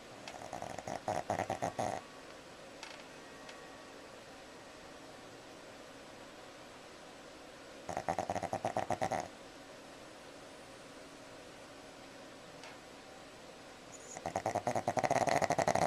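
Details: Pug snoring, recorded with a Flip Video camcorder: rattling, fluttering snores in bursts about every six to seven seconds, with quiet room noise between.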